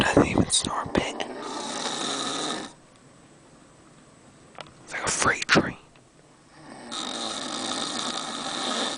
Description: my dad snoring on a cruise to alaska.